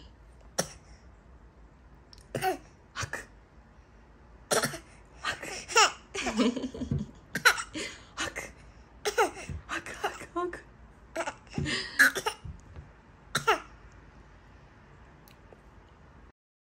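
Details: Repeated short, deliberate fake coughs from an 8-month-old baby during a meal, mixed with giggles and the mother's playful replies, as the baby watches her reaction; a voluntary imitation cough.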